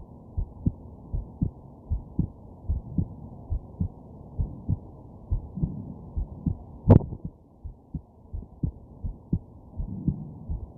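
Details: Heartbeat of a sick person with a stuffed nose, lying down to sleep with hiccups: soft, regular, muffled low thumps at about 110 a minute, with one sharp jolt partway through, likely a hiccup.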